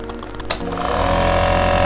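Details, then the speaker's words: Omron NE-C101 compressor nebulizer, bought for a child, plugged in and switched on without medicine yet: a click, then a steady loud mechanical hum as the compressor starts; this noise is normal for the device. "Nah, seperti itu. Suaranya memang cukup berisik ya, karena ini memang kompresor untuk ini."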